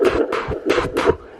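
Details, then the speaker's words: Mother's own heartbeat picked up on a home handheld fetal Doppler at 15 weeks of pregnancy, before searching for the baby's: rhythmic whooshing pulses. "That's me. Heartbeat done."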